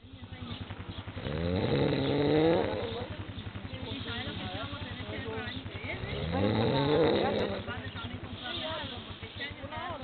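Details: Adult snoring in sleep: two long, loud rattling snores about five seconds apart, with steady fluttering noise between them.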